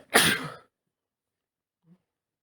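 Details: An adult man on day one of an autumn cold, working from home, gives one sharp, explosive, hissing sneeze followed by near silence with a faint soft sound.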